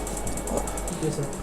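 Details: Live laser tattoo removal with a 1064 laser on black pigment, patient reporting slight pain: rapid, regular snapping clicks of laser pulses with faint talk in the background.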